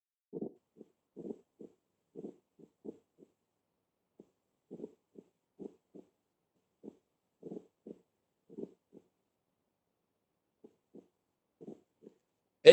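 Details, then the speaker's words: Heart recording with a third heart sound (S3 gallop): three sounds per cycle, the third clearly heard; a fourth sound is possibly present but very hard to hear. "pero está muy bien que escuchen por lo menos el tercero escucho muy bien el 3er"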